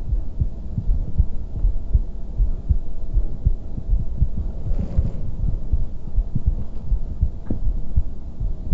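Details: ASMR trigger recording with ear picking and friction sounds, plus a heartbeat sound: soft low thumps at about 80 a minute under a steady hum with rubbing noise; heartbeat.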